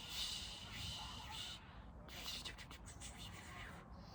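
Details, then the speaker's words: Adult in the first week of radiation treatment for tongue cancer vocally imitates the whooshing rumble of the radiotherapy machine's first phase, likened to being on a train in a tunnel. "So when they do the first part of the machine, it kind of sounds like you're in a tunnel on a train. So it's like"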